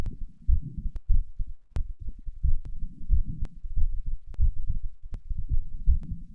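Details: Heart sounds recorded after exercise (third session): quick, strong heartbeat at about 90 to 95 a minute with some rubbing noise; a normal heart speeded up after exercise.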